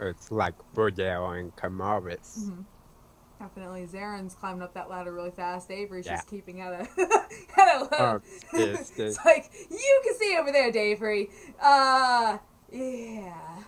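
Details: Adult speaker; normal speech.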